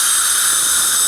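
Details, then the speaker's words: Bite adjustment of porcelain inlay, onlay or crown with a diamond bur, water spray and suction to avoid heating porcelain: brief shrill whine and hiss of a high-speed dental drill grinding the restoration. "so we'll use a little bit of water we'll use a little bit of suction and we'll just do some adjusting okay so what we're going to do is we're going to go in here and begin our adjustment"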